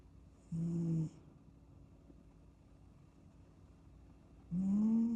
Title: 8 minutes of kitten snoozing snoring sounds